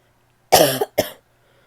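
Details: Adult woman gives two harsh, barky coughs in a quiet room.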